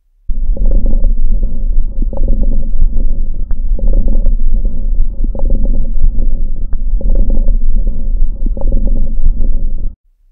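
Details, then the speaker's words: Low, rumbling breath sounds with repeated bubbling, popping crackles through each breath, from a lung sound quiz: coarse crackles. "Jawaban yang benar adalah Kresek Kasar. Hal ini umumnya ditemukan pada fibrosis paru interstisial lanjut, pneumonia, dan gagal jantung kongestif."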